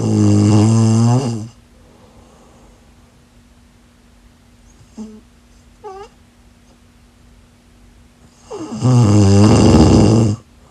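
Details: Two loud, deep, rumbling snores separated by a long quiet pause, with a faint steady hum in the room; snoring.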